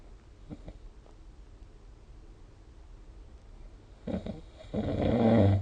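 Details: Snoring during sleep recorded with the SnoreLab app: quiet room tone, then rough, low rumbling breath noises near the end.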